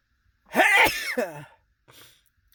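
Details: Male sitting in his car after restaurant dinner: one loud, voiced sneeze with sharp intake and falling tail, then a brief quiet sniff; sneezes.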